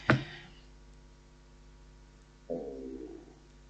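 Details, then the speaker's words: Stomach rumbling (borborygmi) in a person who says she eats one meal a day: a sharp knock, then after a quiet pause a short, low, thunder-like gurgling rumble in a quiet room. "Excuse me. That was that was that really was my stomach. It was not thunder. It sounds like thunder, doesn't it?"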